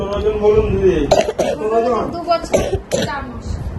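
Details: Child with chest crepitations and mucus collected in the chest, not a dry cough: several loose, rattly, wet productive coughs mixed with voiced sounds.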